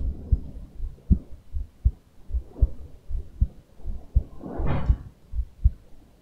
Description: Heart beat recoded form 3M Littmann 6156 Cardiology IV Stethoscope.